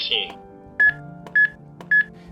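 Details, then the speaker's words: Samaritan PAD AED with real-time CPR feedback: regular metronome beeps about every half second after a start tone, pacing chest compressions. "Dzięki takiej bieżącej analizie aff czasie rzeczywistym wskazuje Jak zmieniać uciski podając komunikaty uciskaj mocniej"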